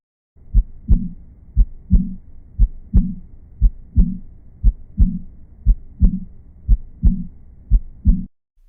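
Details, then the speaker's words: Regular heartbeat near 60 a minute with a soft blowing sound trailing each second heart sound: early diastolic murmur, found in aortic and pulmonary regurgitation. "La bonne réponse est : SOUMURE DIASTOLIQUE PRÉCOCE, que l'on retrouve dans les régurgitations aortiques et pulmonaires."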